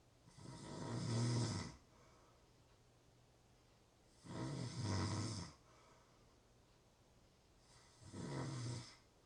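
Three loud rattling snores on the in-breath with quiet pauses between, about 16 breaths a minute: snoring.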